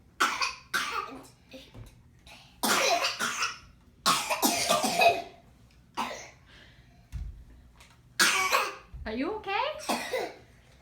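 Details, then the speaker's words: Young child's ongoing cough: several bursts, some in quick runs, with brief child vocal sounds between, in a small room; parent asks if coughing is done. "okay are we done coughing you think no yeah probably not"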